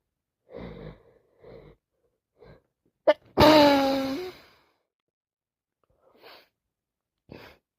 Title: Non stop cold sneezes